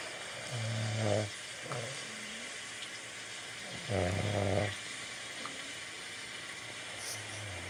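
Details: Snoring heard at 3am near a baby pitbull: two low, rumbling snores on breathing in, several seconds apart, over steady room hum.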